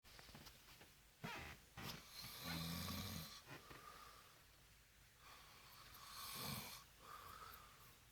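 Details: Irregular rough snoring from a sleeping adult boyfriend described as drunk, mixed with rustling and shuffling noises nearby.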